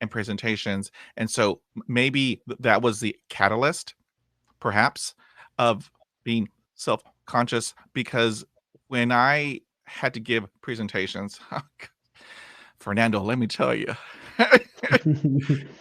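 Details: Lifelong stuttering in a 51-year-old man after 20 years of speech therapy, which he says took him from zero to about 80 percent improvement, with continuing blocks and repetitions; stuttering.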